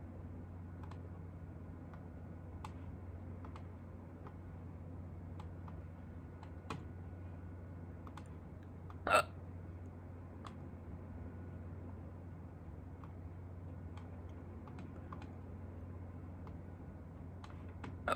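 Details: A few sharp, sudden clicking gulps spaced seconds apart over a low steady room hum, in a person who had hiccups for the first time in a long time; hiccups.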